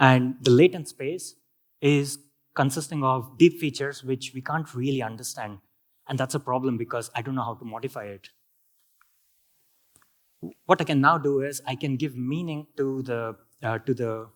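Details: Adult male speaker; healthy speech.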